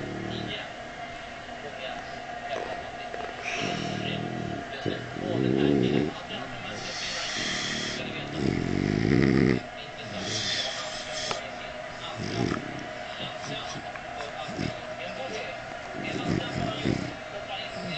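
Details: Sleeping French bulldog snoring: irregular snorting and rasping snores with some loud bursts, over steady hum and street noise.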